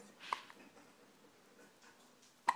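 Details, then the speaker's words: Little girl with hiccups: two sharp, brief hiccup sounds about two seconds apart in an otherwise quiet room; the hiccups don't seem to bother her. "you have the hiccups who has the hiccups is that you do you have the hiccups"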